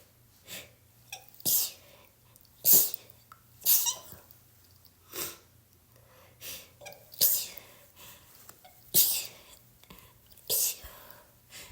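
About ten sharp, hissing sneezes and sneeze-like bursts in quick succession over twelve seconds: repeated sneezing with a cold.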